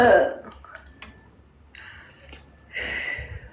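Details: Two or three throaty burps separated by quiet pauses in a small room, from a burp compilation; burping.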